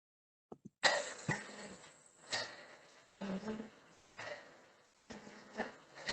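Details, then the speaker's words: Athlete with dysfunctional breathing: repeated sharp, noisy, fast inspiratory gasps driven into the upper chest, without good diaphragm contraction. "So can you hear that gasping sense, you know, that gasping sound where the breath is being driven into the top part of the chest? They're really not getting a good diaphragm contraction."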